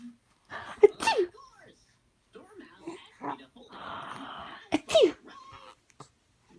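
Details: A mother sneezing: two abrupt sneeze bursts with quieter vocal sounds and a short hissing stretch between them; ordinary sneezing that someone finds funny.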